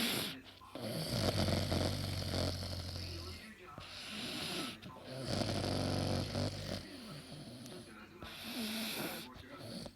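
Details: Male dog asleep, snoring heavily: loud, rough, rattling snores with several long drawn breaths and brief pauses between them.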